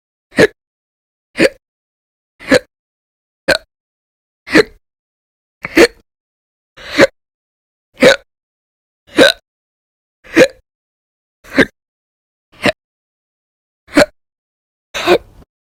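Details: Repeated hiccups, sometimes violent and loud, sometimes silent, recorded over February 2020 (audio only): fourteen short, sharp hiccups at about one a second, with silence between them.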